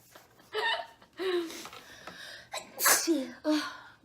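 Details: Woman with a stuffy nose from a head cold or allergy gives a few voiced catches and breaths, then one sharp explosive sneeze and brief vocal sounds: sneeze.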